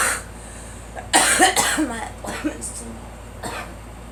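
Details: A girl, said to have allergies, gives a burst of several harsh, wet-sounding coughs over a steady vehicle rumble.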